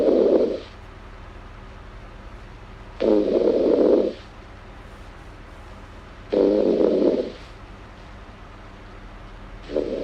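Steady rumbling snores on the breath in, about four in ten seconds, with quiet breathing out between them.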